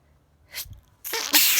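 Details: Late-night sneezing just before bed: a short breath in, then two sharp, explosive sneezes close together.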